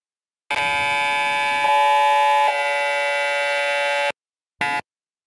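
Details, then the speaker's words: Simulated MRI scanner noise from laptop MRI simulator software during a head localizer sequence for a patient with one week of dizziness and headache: loud, steady electronic buzzing for about three and a half seconds, then a short burst. "so noisy we can turn off the sound the localized sequence is finished"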